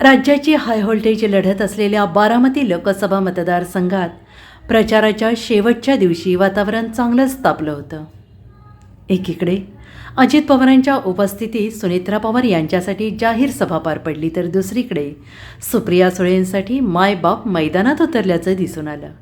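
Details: Adult female news narrator; Normal speech.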